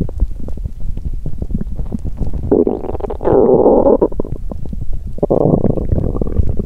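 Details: Bowel sounds after exercising on an empty stomach, with nausea and a cramping feeling in the stomach and intestines: loud, continuous low gurgling with long drawn-out growls over crackling bubbling, vigorous stomach growling.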